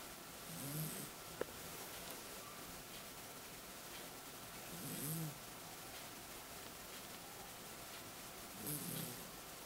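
Three soft, low rumbling snores about four seconds apart over steady room hiss, around 15 breaths a minute; ordinary snoring.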